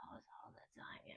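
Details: Woman, a classical singer, demonstrating how she spoke with muscle tension dysphonia, diagnosed about five years ago after severe laryngitis following a concert; ENT found vocal cords clear, attributed to bad technique; hoarse, no clear sound; acted demonstration.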